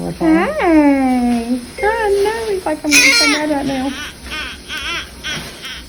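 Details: Loud, strong wailing cries with short breaks between bursts from a newborn boy shortly after birth; he had a little fever.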